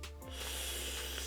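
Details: Speech-language pathologist demonstrating a lateral lisp on the word 'sun'; lateral lisp, which can be unilateral or bilateral.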